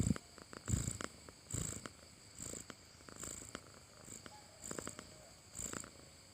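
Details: Soft, low rhythmic breathing with faint fluttering snores and some whistling, about a dozen breaths a minute, from a sleeping cat; snoring.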